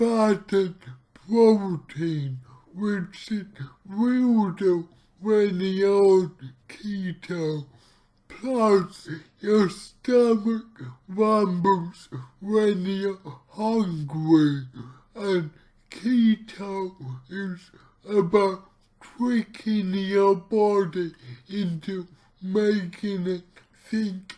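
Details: Dysarthria from cerebral palsy in an adult male speaking about his own condition, heavily distorted speech, after trying a keto diet to see its effect on his cerebral palsy.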